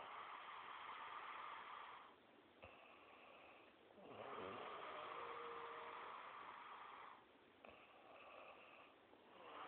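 Long, loud, rasping snores come with each breath at a slow, steady rhythm: ordinary snoring.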